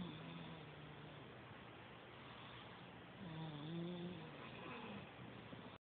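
Low, steady rumbling breath noise with a louder droning snore midway, over constant background hum; snoring.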